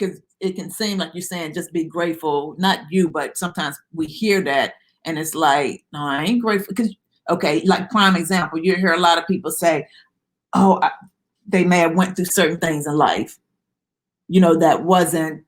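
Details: Adult man speaking; Normal conversational speech.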